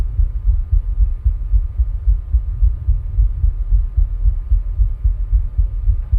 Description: My heart sound while rebreathing with a plastic bag.